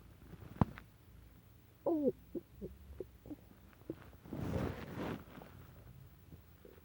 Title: Stomach rumble